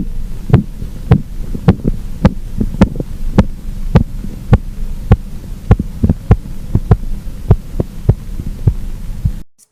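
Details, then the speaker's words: Blood pressure measurement with stethoscope over brachial artery and sphygmomanometer: regular sharp tapping beats, about 100 a minute, over low hum; stronger phase 1 marks systolic, sounds then disappear completely: Korotkoff sounds during cuff deflation. "aqui vocês conseguiram perceber como o som é mais incisivo ele é mais forte que você identifica com uma pressão máxima que é a fase 1 e essa última fase você percebeu que os sons desapareceram completamente"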